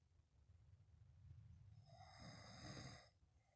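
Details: Snoring while sleeping on the back: a single low, rumbling snore builds into a harsh, fluttering inward breath and then fades.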